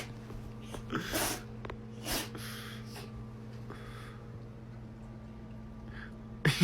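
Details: Cat sneezing: several small, sharp nasal sneezes and snorts over a steady background hum, possibly from allergies.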